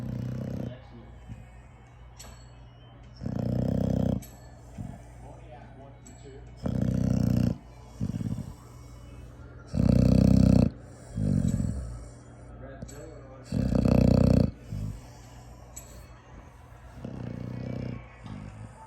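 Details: Loud, low rumbling snores recurring every few seconds, with faint background sound between them: snoring.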